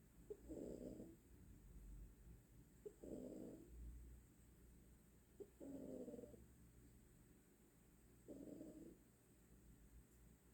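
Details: Snoring from a female in deep sleep; snoring.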